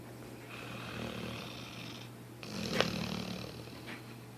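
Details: Soft, rough, snorting breaths from a sleeping dog: ordinary snoring.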